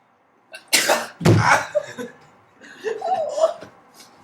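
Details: Induced sneeze while making themselves sneeze with a tissue: sharp inward breath then loud burst sneeze, followed by laughter and chatter from others nearby.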